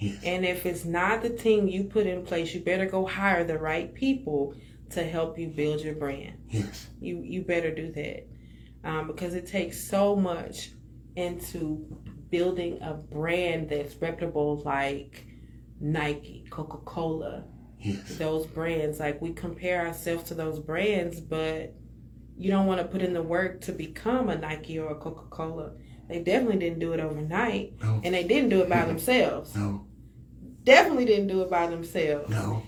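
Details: Adult speaker, podcast conversation; ordinary speech.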